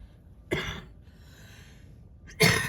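Two short, harsh cough bursts from an adult about two seconds apart, with quiet breathing between; a plain cough.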